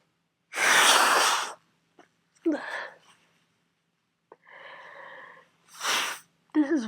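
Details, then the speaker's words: Sneezing fit from a cold: two forceful sneezes with breathy gasps and a moan between them, around sneeze 38 of a long, uncontrollable run of sneezing. "I cannot stop I'm going to see at least my glasses stayed intact for that round was that 38 I think wow this is gross"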